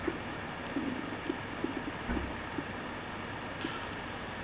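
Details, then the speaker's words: SAM simulator, stethoscope on the upper right/left abdominal quadrants: frequent quick gurgles and pops over a steady hiss, hyperactive bowel sounds of diarrhea. "sam presents over 20 bowel sounds they may be heard in the upper right and upper left abdominal quadrants listen to the sound of diarrhea"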